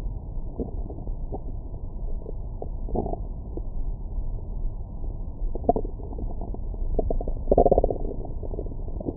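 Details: Abdomen recorded with a stethoscope microphone after a large meal: muffled continuous low gurgling and bubbling with occasional louder squelches; active bowel sounds.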